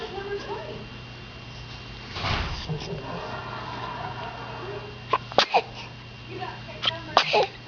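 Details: Babies sneezing: several small, sharp, high sneezes against quiet room noise and faint voices.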